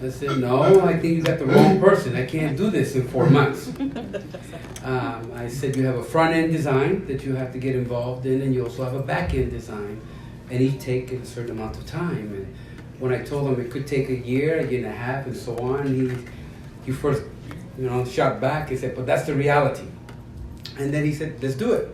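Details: Adult man; ordinary speech.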